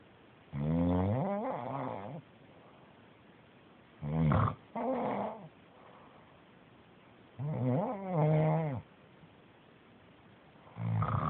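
Loud, rough snoring on each breath, some broken in two, about 18 breaths a minute with quiet gaps between; snoring.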